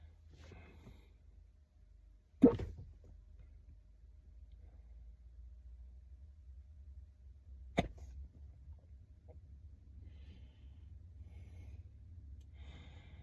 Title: Hiccups in the car